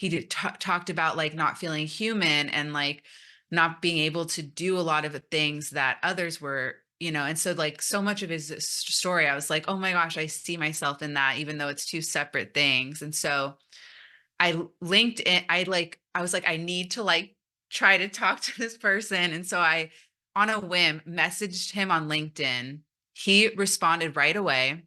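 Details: Stuttering in an adult woman who came out as a person who stutters almost 3 years ago after 29 years of denial, giving a conference talk.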